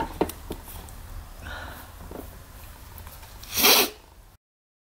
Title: Hiding in a closet (muffled sneezes)